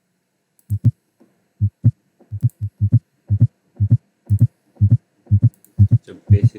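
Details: Simulated heart sounds with quick, regular paired thumps at about 120 beats a minute, a fast rate consistent with tachycardia.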